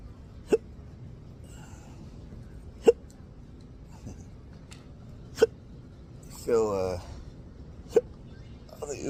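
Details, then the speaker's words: Adult with intractable, debilitating persistent hiccups: abrupt, sharp hiccups recurring about every 2.5 seconds (around 24 per minute) over quiet background talk; persistent hiccups. "an Uber driver yesterday, I think, offered me water when I hiccuping his water. That was really nice. People think that offering water will help."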